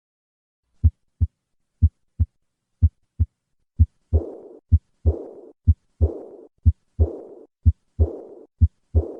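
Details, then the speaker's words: Typical aortic regurgitation on stethoscope, third or fourth left intercostal space, patient leaning forward: heartbeat near 60 a minute, high-pitched, fading blowing diastolic decrescendo murmur after the second sound. "in summary the murmur of aortic regurgitation is a diastolic decrescendo murmur which is high pitched in character this murmur is heard in the third or fourth left intercostal space with the patient leaning forward"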